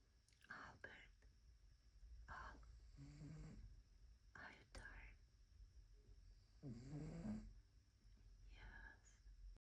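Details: Soft, faint, rasping snores in slow repeated breaths over a quiet room hum; a sleeping cat (Albert) snoring gently.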